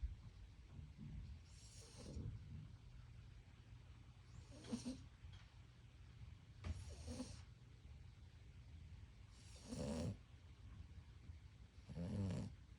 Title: Loona snoring like she pays rent. 😪💤😭 #comedy #trendingshorts #sleep #reels #snore